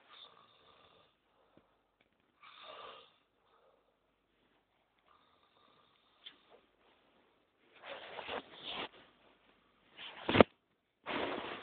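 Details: Very loud snoring, described as like a bulldozer going uphill and unlike anything ever heard: snoring.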